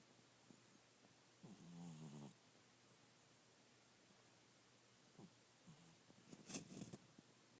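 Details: Bengal cat snoring during a nap: two soft, rough breathing noises about five seconds apart in a quiet room.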